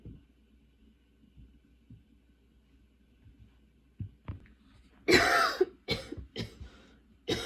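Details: Coughing fits while unpacking from a vacation and getting ready for school; a burst of about five harsh coughs in quick succession from a persistent cough that her current medication isn't helping.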